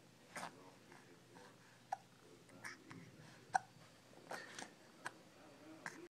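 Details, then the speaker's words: Baby with persistent hiccups that have not gone away: about seven short, sharp, regularly spaced hiccups over six seconds with small vocal sounds between, in a quiet room. "Did they go away? Nope. Poor baby and his hiccups."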